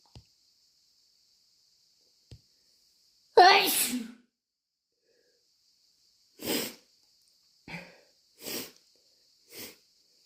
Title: Reeeeally wet induced allergy sneezes